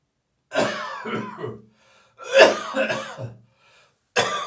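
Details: Dry morning cough in an adult: harsh, dry throat-clearing coughs with gagging and spitting, in three separate bouts.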